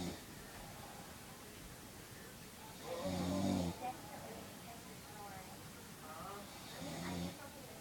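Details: Mother snoring, recorded by her child: two rough, rattling snores on the in-breath about four seconds apart, with quiet room hiss between them.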